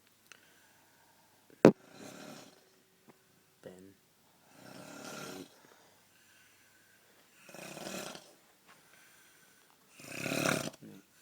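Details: Person snoring at night (New Year's Eve, about 6:31 am), keeping a bed partner awake; moving or shushing makes it louder: four rough, fluttering snores at about 20 breaths a minute in a quiet room; snoring.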